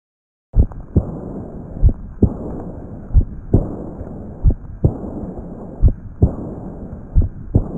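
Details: Patient with Marfan syndrome: slow heartbeat with a soft blowing noise filling the gaps; early diastolic decrescendo murmur of aortic regurgitation.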